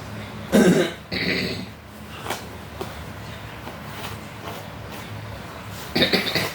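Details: An adult coughing during a massage therapy session for a pinched nerve. A few loose, throaty coughs and throat clearing, then a final cough burst.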